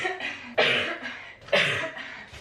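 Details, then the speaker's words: 21-year-old woman, lingering cough for months, just diagnosed with asthma: two harsh, dry cough bursts about a second apart in a small room; chronic cough from cough-variant asthma. "but I have had this lingering cough for the past three and a half"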